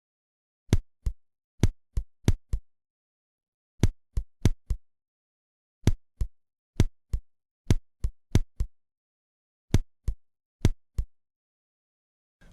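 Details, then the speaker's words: Simulated heart auscultation of extrasystole: three premature beats, each arriving early and followed by a long pause. "фрагменте слышны три экстрасистолы Давайте ещё раз послушаем этот же фрагмент"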